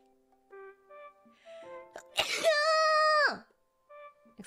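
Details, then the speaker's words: Streamer sneezes right after doing ten push-ups during a morning livestream: one sharp explosive sneeze with a drawn-out voiced tail over background music. "oh guys I'm about to sneeze"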